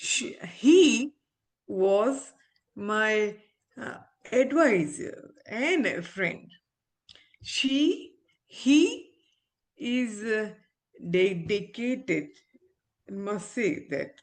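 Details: Adult woman, an ophthalmologist, with aphasia after a stroke around delivering twins 7 years ago; she is recovering her speech with speech-language therapy and communication still hinders her; aphasia after stroke.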